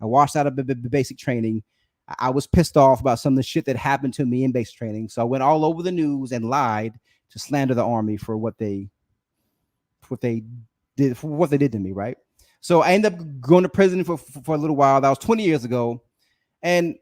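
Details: Adult male with a self-reported speech impediment that is usually edited out of his recordings but is clearly present in this unedited live stream; disfluent speech.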